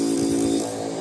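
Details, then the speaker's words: Nebulizer compressor being tested: steady, fairly loud buzzing motor drone with a low hum, air coming out; its normal operating sound. "Ipapakita ko muna na ito po y may lumalabas ng hangin tsaka nag-iba yung tunog niya no yung tunog niya talagang ano na medyo maingay ganyan talaga yung tunog ng nebulizer oh"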